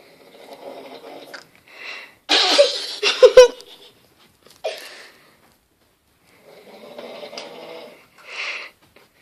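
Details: Sleeping father snoring: soft, rough breathing sounds with a louder, harsh snorting burst in the middle.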